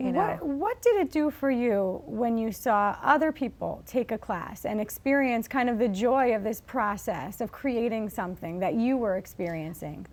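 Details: Adult woman speaking; normal speech.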